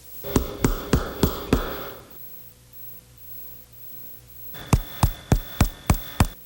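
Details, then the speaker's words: Tympanic percussion note over the chest in a respiratory exam lesson; it occurs when air is trapped in the pleural space, as in pneumothorax, or in a large lung cavity such as a tuberculous cavern. "e aí é o som timpanico ocorre quando a ar aprisionado no espaço pleural como no pneumotórax ou uma grande cavidade entre a pulmonar como numa grande caverna tuberculosa"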